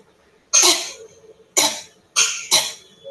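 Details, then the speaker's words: Adult imitating habit cough syndrome, a troublesome disorder seen in children with coughs in very short bouts: four short, harsh, isolated coughs. "so this is something called as a habit cough syndrome and it is really really On The Rise and it's a Troublesome disorder"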